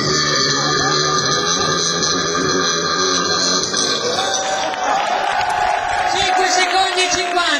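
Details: Burping contest entry: a long, drawn-out, voiced belch heard over loud crowd noise and music.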